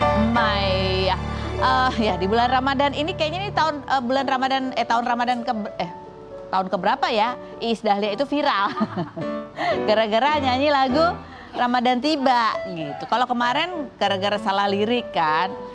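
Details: Adult female television presenter speaking over background music; ordinary speech.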